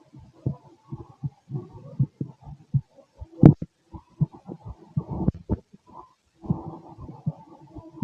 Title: Restless heartbeat 🫀🫀🫀🫀 #body #relax #heartbeat #heart #stethoscope #auscultation #chest